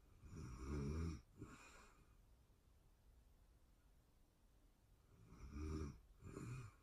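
Two breaths, each a deep rattling snore in two bursts, about five seconds apart, with quiet room sound between; steady sleep snoring.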